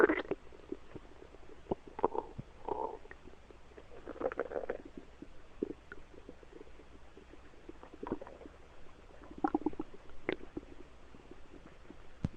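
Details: Quiet, irregular gurgles and squelching rumbles from the belly in a quiet room; ordinary stomach rumbling, bowel sounds (borborygmi).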